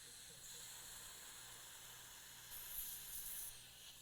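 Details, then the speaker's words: Steady hissing and sucking of dental suction during canal irrigation, left on for the shaping file, in a live endodontic retreatment of tooth #3 on a patient. "okay that's wash irrigate I'm gonna leave that on for the shaping file I think it'd be fun to use him"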